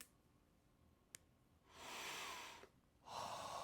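Loud, hissing breaths in and out through the nose with a brief click before them; noisy nasal airflow.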